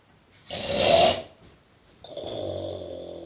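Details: Snoring: a single rough snorting breath followed by a long whistling, buzzy breath.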